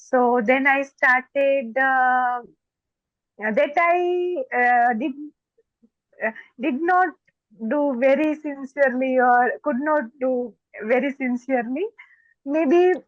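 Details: Stuttering (stammering) in an adult woman who says she stammers more when she gets excited.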